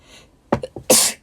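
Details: Young Japanese woman sneezing: brief inhaling catches followed by one sharp, explosive sneeze.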